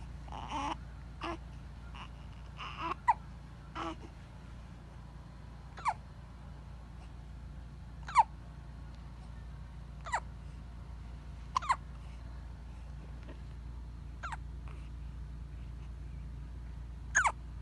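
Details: Infant hiccups: short, sharp, catching sounds recurring about every two seconds, roughly seven in the stretch, over faint fussing and steady room hum.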